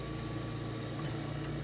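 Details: Invacare Perfecto2 oxygen concentrator just switched on, after a brief start-up beep and flashing lights: steady low machine hum of normal running.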